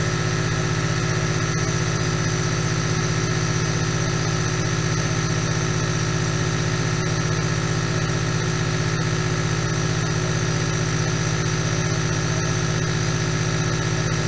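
Steady loud motor hum with a fast buzzing rattle and a hissing airflow, typical of a compressor nebulizer making aerosol.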